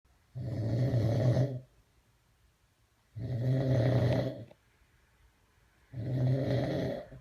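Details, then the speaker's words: Three loud, rough, rumbling snores at about 22 a minute, each lasting over a second, with quiet pauses between them; ordinary snoring. "what don't don't what oh you better quit snoring too"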